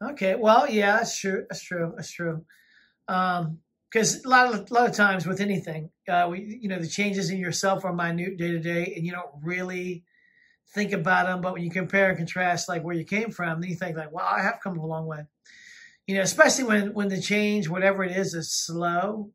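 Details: Adult speaker; ordinary speech.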